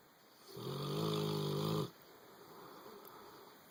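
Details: A boxer dog that has settled into its owner's bed while asleep gives a single long, rough, buzzing snore, followed by a quieter breath out; snoring.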